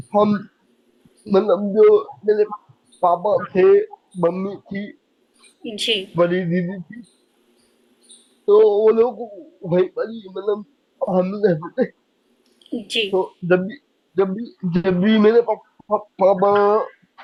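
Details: Man with cerebral palsy since age 2, attributed to lack of oxygen at birth; as a child could not speak, walk or write; speaking takes double effort, could not say things clearly; dysarthria (cerebral palsy).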